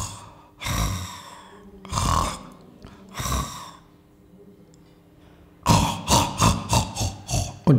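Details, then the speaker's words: Adult snorer: loud rough snores from a narrowed throat, a quiet pause (breathing stop), then rapid snorting gasps as the sleeper startles awake, sleep apnoea. "Geräusch wenn Sie dieses aufschrecken hören das ist ein Atemaussetzer und diese Menschen haben das die ganze Nacht und immer wieder und die wachen morgens auf und sind nicht ausgeschlafen"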